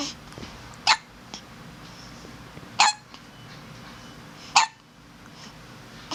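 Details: Hiccups: three sharp, abrupt hiccups about two seconds apart over quiet room noise.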